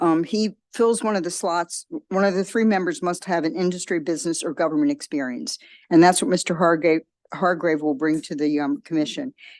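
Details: Adult woman speaking; normal voice.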